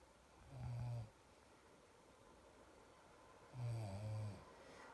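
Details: Wife snoring loudly: two low, buzzing snores on inhalation about three seconds apart in a quiet room; ordinary loud snoring.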